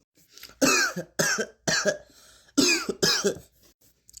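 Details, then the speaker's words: Five harsh, forceful cough bursts in quick succession from an adult, acted for a classroom comedy sketch; simulated cough. "Oh, who's coughing? What's that? What is that?"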